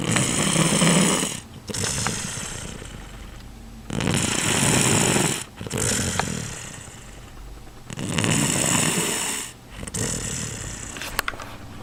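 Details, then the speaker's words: Habitual night-time snorer keeping his brother awake: loud, harsh, rattling snores on long breaths, about 16 a minute, with brief quiet gaps between them; heavy snoring. "Zacree can't sleep. He always like snores. I don't think he's dying. And I'm pretty sure he makes that noise."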